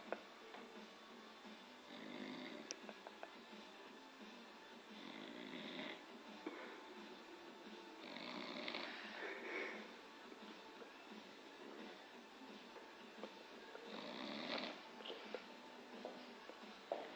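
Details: Adult passed out asleep on a couch, music in background: soft, repeated raspy snores with each breath over quiet room noise; ordinary snoring.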